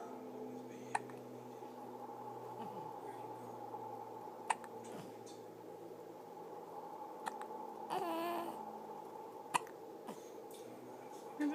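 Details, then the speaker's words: Soft, sharp hiccup clicks at irregular intervals, about five in eleven seconds, with a brief vocal squeal and steady room hum. Hiccups. "Are those hiccups silly? Are those silly hiccups? Yeah. Oh, they're kind of annoying, huh?"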